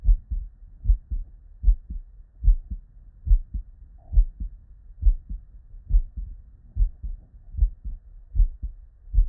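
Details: Real, unedited human heart sounds recorded at the bedside from a patient with normal cardiac physiology: steady paired lub-dub at about 74/min, clean between beats; normal first and second heart sounds.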